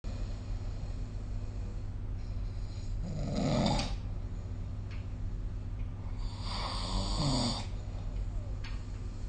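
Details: Loud rattling snores on in-breaths, a few seconds apart, recorded with the SnoreLab phone app; ordinary snoring.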